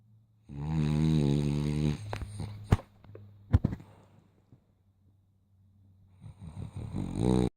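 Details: Sleeping dog snoring: two buzzing, droning snores with soft snuffles between.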